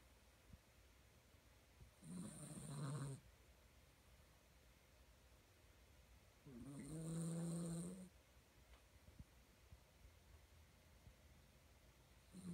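Two slow, low rumbling snores a few seconds apart, each on a long breath, from a sleeping puppy.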